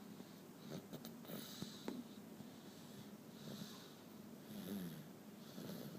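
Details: Toddler aged 1 year 8 months, asleep with a blocked nose: soft, noisy snoring and snuffling breaths.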